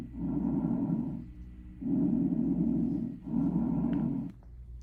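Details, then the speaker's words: Bronchial breath sounds, normally auscultated either side of the sternum from the 2nd to 4th intercostal space on the anterior chest wall and abnormal elsewhere; loud, harsh, tubular, hollow sounds with a clear pause between breaths. "Track three, bronchial breath sounds. These sounds are tubular and harsh."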